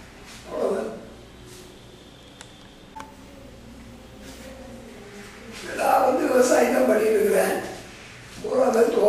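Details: Tracheoesophageal speech in Tamil from a patient with total laryngectomy in 1993 using a Blom-Singer prosthesis via tracheoesophageal puncture; counting and naming months and weekdays.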